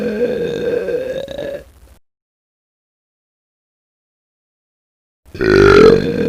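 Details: Burp sound effect: two drawn-out, voiced belches separated by silence.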